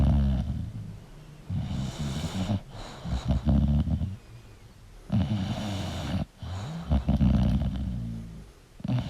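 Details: English Bulldog asleep: loud, rattling snores on each breath in, about 17 a minute.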